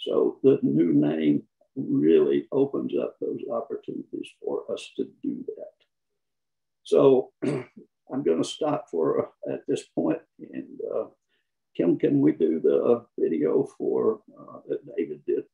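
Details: Man with spasmodic dysphonia, who counts himself among people with the condition; the finding is spasmodic dysphonia.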